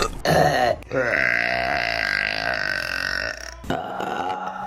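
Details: A long, loud, resonant voiced burp with a short break, then a trailing second burp; ordinary belching from a burping compilation.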